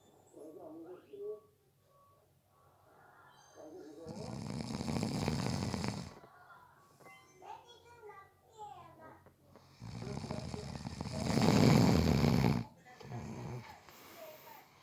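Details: A person napping gives two long, loud, rattling snores on the in-breath, with quieter breathing noises between them and faint background talk: snoring during sleep.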